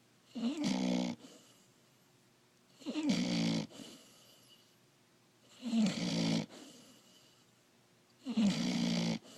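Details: Young puppy snoring: regular rasping snores, four in about nine seconds, roughly 25 breaths a minute, with quiet gaps between.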